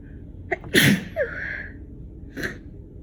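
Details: Sharp sneeze with a brief intake before it, a short vocal squeak after, then a faint second sneeze in a quiet room; the person reports a very itchy tickle still present though the sneezes are slowing.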